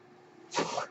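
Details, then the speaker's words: Speaker's own real mechanical ventilator during podcast recording: after a quiet moment, a brief airy rushing burst rises and fades as a breath is delivered; mechanical ventilator breath cycle. "hello everyone my name is that noise you're hearing is my ventilator and welcome"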